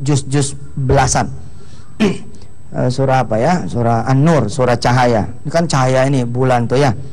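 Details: Adult male speaker; Ordinary speech.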